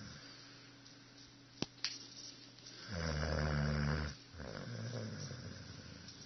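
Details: Sleeping Setter dog: a long, low, rattling snore on an in-breath, then a softer breath, against quiet room noise; snoring.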